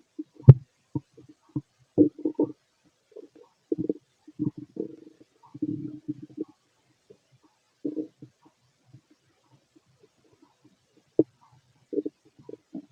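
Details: Fit adult male, stomach heard through a stethoscope while digesting pastry, chicken, curry, bread, milk, eggs and pasta: irregular gurgles and low rumbles in scattered bursts with quiet gaps; bowel sounds.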